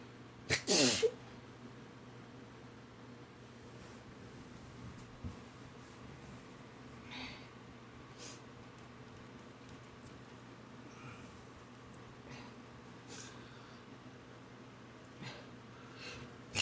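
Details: Sneeze right after waking up, reportedly happens every day: one loud sneeze at the start, then quiet breathing and faint room noise; sneezing.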